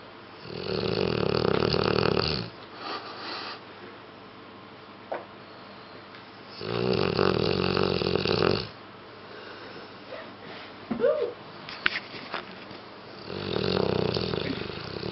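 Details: Dog snoring: three long, rough snoring breaths about six seconds apart, roughly ten a minute, with quiet pauses and faint room noise between.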